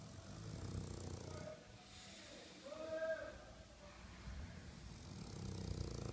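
Rough, low snoring breaths with a whistling, nasal tone at the peak. Snoring in a flat-faced dog.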